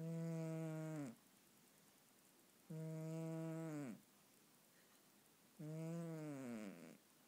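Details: A sleeping cat snoring: three steady, tonal snores about a second long, roughly 21 a minute, with quiet pauses between.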